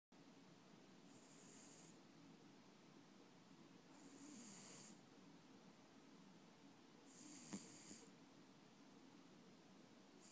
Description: This is a video of my cat snoring.